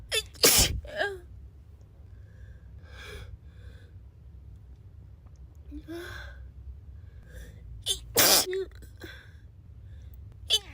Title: Girl sneezing 3